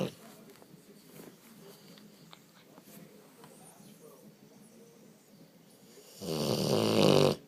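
Quiet snuffly breathing, then one loud, rough, rattling snore near the end: snoring in a short-nosed dog.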